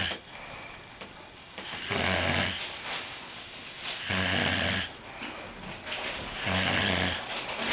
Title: snoring brother in law